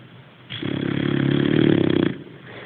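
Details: Sleeping boxer dog: one loud, rough, rattling snore lasting about a second and a half, with a buzzing low flutter; snoring.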